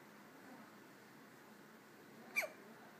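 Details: Two-day-old newborn's first hiccups: one short, sharp catch of breath against quiet room noise.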